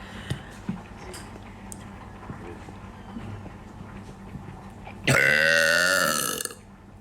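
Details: Deliberate burping technique: after quiet room noise, one loud, long, voiced belch lasting over a second; burping.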